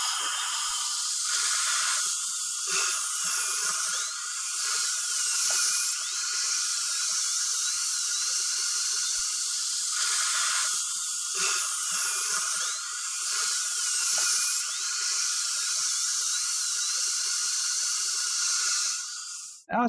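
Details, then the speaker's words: High-pitched whine of a dental handpiece with a football-shaped finishing diamond rising and falling, with steady hiss, on the lingual side blending porcelain veneer (Lumineers) and bonding cement. "I'm using a football shaped diamond here and it's in that finishing kit okay so I go on the lingual side and I start blending the porcelain and the ultra bond together"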